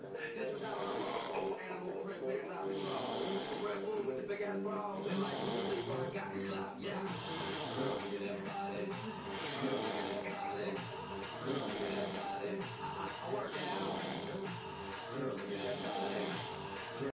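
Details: Person snoring: loud, rough snores repeating roughly every two seconds, with music and some talk in the background.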